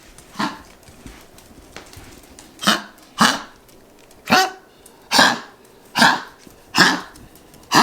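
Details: Female dog with collapsing trachea, honking worsening and frequent despite several vet visits, worse when hyper, especially at night: a run of harsh, goose-like honking coughs recorded on a phone, possibly milder than usual.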